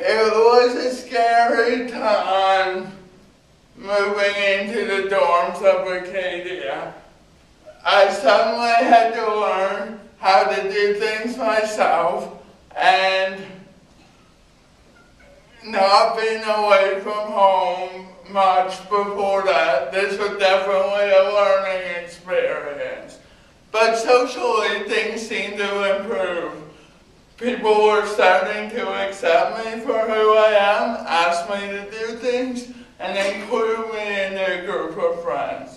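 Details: Adult man with cerebral palsy giving a university talk about his own condition; dysarthric speech associated with cerebral palsy.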